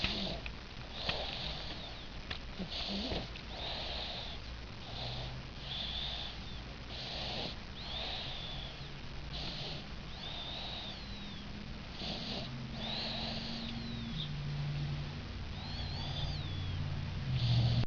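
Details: 5-month-old boy snoring while asleep, noisy breathing with soft snoring and snuffly hiss, around 50 breaths per minute.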